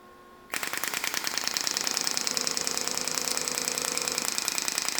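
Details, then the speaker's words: Radial shockwave therapy device in physiotherapy demonstration: soft hum, then rapid regular clatter of sharp pulses about 200 per minute as the gelled head is moved over a tender skin area, for 2,000 shocks. "okay then we take the head of the shock wave just onto the skin and we're moving that around now you will hear a machine just get a little bit lighter as we turn it on here"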